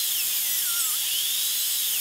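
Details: Dental high-speed drill placing occlusal guide cuts on the triangular ridge and toward the mesial marginal ridge of upper molar tooth #3, full zirconia crown prep: continuous high-pitched whine, pitch dipping and rising as it cuts.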